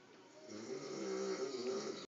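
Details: Adult man snoring while asleep with a cigarette in his mouth and cell phone beside him, described as probably his worst snoring yet: one drawn-out, buzzing snore rising in loudness over faint room hiss.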